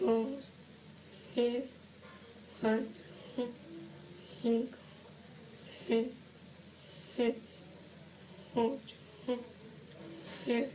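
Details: 17-year-old under important emotional stress, one month of intermittent whispered voice and soundless articulation alternating with normal voice, recorded at initial evaluation before treatment: psychogenic dysphonia.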